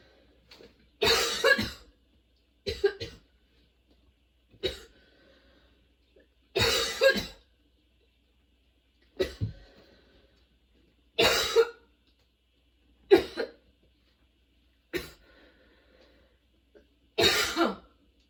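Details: Sudden-onset, nonstop, worsening coughing fit bringing tears and frequent position changes: about nine harsh cough bursts in quick succession over eighteen seconds with brief gasps between; a prolonged coughing fit.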